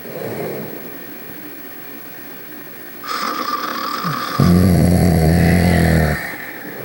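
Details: Two sleepers snoring: low rumbling snores with a rattling, buzzing quality over steady room noise; loud sleeping snores.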